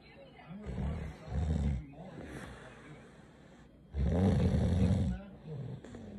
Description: When she snores like a diesel motor just brings all the boys to the yard